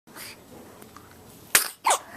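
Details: Sneeze that led to hiccups: a quiet breath in, then a sharp explosive burst and a second voiced burst, with low room noise.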